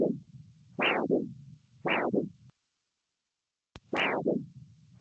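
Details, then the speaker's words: Biphasic arterial Doppler signal on handheld Doppler during ABPI assessment: two whooshing sounds per beat, having lost the third phase, described as quite normal with aging. "So the next clip shows a biphasic waveform. You can see there you've lost that third phase, but that's quite normal in the aging process."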